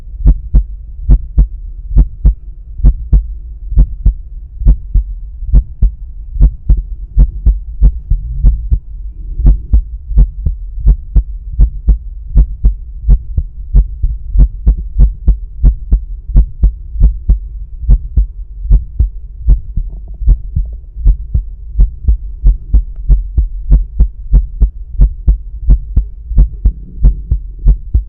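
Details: Stethoscope at the pulmonic area during breath holds, steady crisp lub-dub heartbeat over a low hum, no murmur; normal heart sounds.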